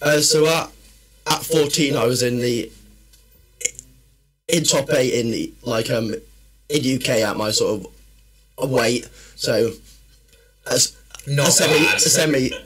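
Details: Adult man, a personal trainer and former army medic, with a stammer since childhood that worsens when he is tired, stressed or nervous: stuttering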